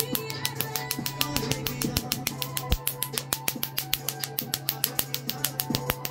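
Fast, sharp snapping clicks about 200 a minute, with music behind: a tattoo removal laser firing pulses.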